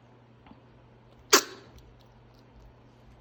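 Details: Pet ferret, coughing for a few days, hacks after waking from an apparent nightmare despite a laxative given by the owner. Later diagnosed with severe respiratory infection and rare autoimmune disorder. Single sharp, harsh hacking cough.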